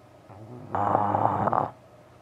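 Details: French Bulldog snoring away late at night; snoring.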